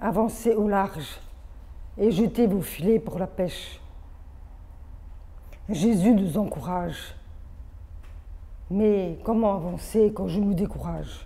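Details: Adult woman born deaf with over 80% hearing loss from maternal rubella, hearing aids from age 7, oral education, speech therapy from age 2 through middle school plus phoniatric voice work, hears own voice poorly; deaf speech.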